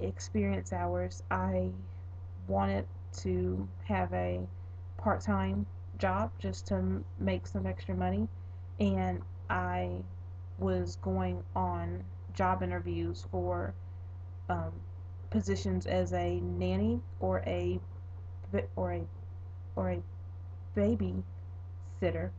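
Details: Adult woman who stutters a bit in daily conversations and interviews; stuttering.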